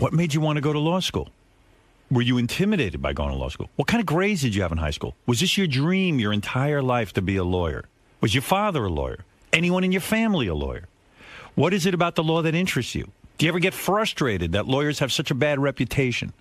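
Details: Adult male speaker; normal speech.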